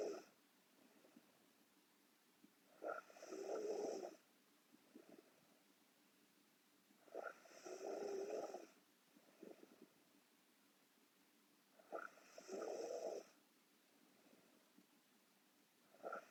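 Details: Korean girl asleep: regular rattling snores on each inspiration, about 13 breaths a minute, with quiet breathing between; snoring.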